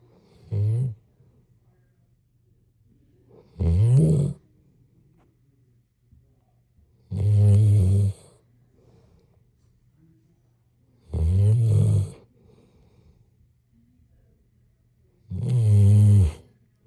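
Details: Snoring during sleep: loud, low, rumbling snores on each breath in, about 4 a minute, with quiet pauses between them.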